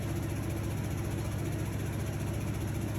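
Steady, rapid low rumbling buzz of a piston-driven high-frequency oscillator ventilator running continuously.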